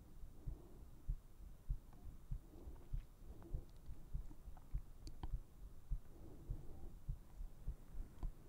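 Soft, steady low thumps at about 100 beats a minute over a faint room hum.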